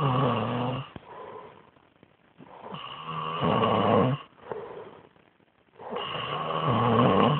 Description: Loud kid sleeping on my couch .